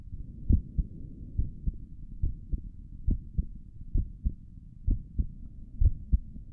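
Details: ASMR recording of the creator's own heartbeat through a stethoscope on the chest; steady paired lub-dub at about 65 beats a minute with a faint low hum behind; stomach gurgles occur during the recording; normal heart sounds.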